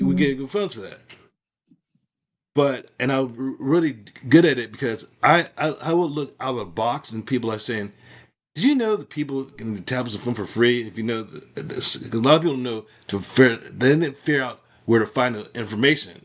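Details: Adult man with aphasia after a stroke, who practices speaking as part of his recovery toward independence; aphasia.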